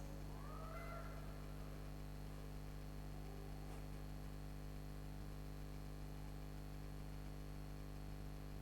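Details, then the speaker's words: Normal lung sounds in a stressed cat (heart rate 148/min), auscultated dorsally and ventrally: quiet chest with only faint soft breath noise. "listen in two areas both dorsally and ventrally it's normal to hear not very much noise when auscultating the"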